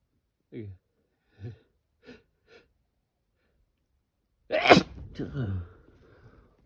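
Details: A person wearing an N95 mask whose nose pinch makes the nose itch: four soft mask-muffled sneezes, then one louder sneeze and a relieved exhale. Sneezing.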